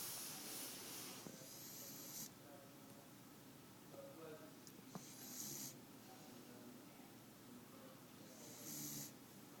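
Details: Sleeping beagle dog snoring: quiet, hissy snoring breaths every few seconds, about 18 a minute, over room noise.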